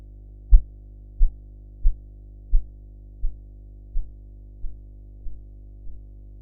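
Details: Nine soft, regular low taps at about 87 a minute, fading as the cuff deflates, heard during sphygmomanometer blood pressure measurement practice with audio enhancement; Korotkoff sounds.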